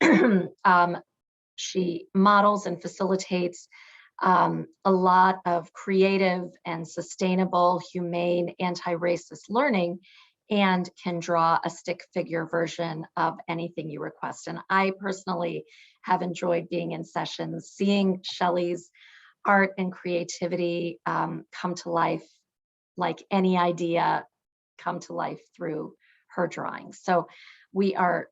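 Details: Adult woman speaking; normal voice.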